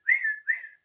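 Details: Adult woman with Tourette-like tics and coprolalia, deliberately imitating her whistling tic because it was not occurring; whistling vocal tic (imitated).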